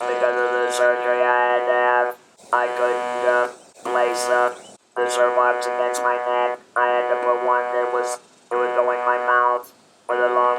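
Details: Adult man who had a laryngectomy 19 years ago and has communicated with a Servox electrolarynx since; electrolarynx speech.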